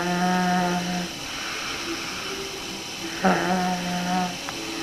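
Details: Snoring in a sleeping boy: two steady buzzing, humming-like breath sounds about three seconds apart over quiet room noise.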